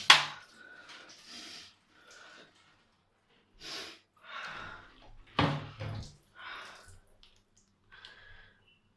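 Two sharp, explosive bursts with quieter breathy, rasping sounds between them; an adult coughing forcefully.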